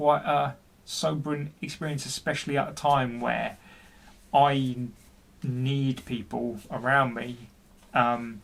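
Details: Adult man, 40, who stutters and has been experiencing depression, speaking with repetitions in a personal story; stuttering.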